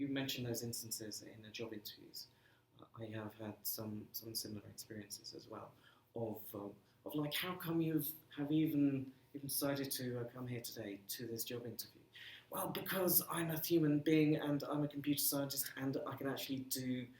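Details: Stammering in an adult male computing lecturer living with a speech and language disability, who says he has been "breaking up" on the phone for 30 years.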